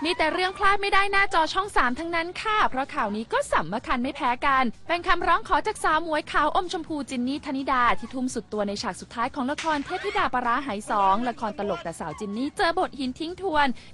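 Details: Adult woman, Thai entertainment news presenter; normal speech.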